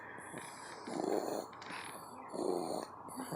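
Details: Sleeping 13-pound small dog snoring really hard: soft, rhythmic snores recurring about every one and a half seconds over faint background noise.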